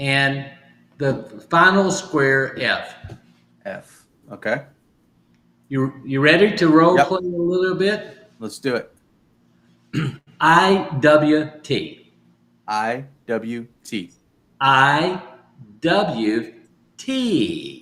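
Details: Adult male stroke survivor with aphasia caused by stroke, still recovering, practising phrases from sticky notes as part of home therapy; aphasia.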